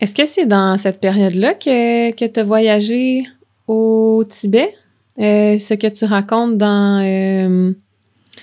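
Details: Stuttering in an adult woman who stutters.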